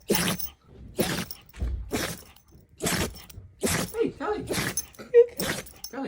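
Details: Dog: a run of seven short, sharp nasal bursts about a second apart, with a voice in the background; repeated sneezing.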